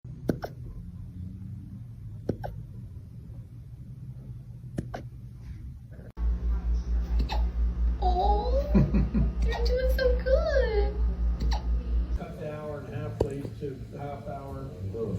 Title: Puppy hiccups #foryou #dogvideo #puppy #funnydog #doglover